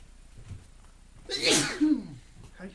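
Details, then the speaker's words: Man with hay fever, just back from outdoors, likens it to mornings when pollen gets him: a single loud sneeze with a sharp inward breath before it, in a quiet room; allergic sneezing. "This is what it's like when I first wake up in the morning and the pollen gets me."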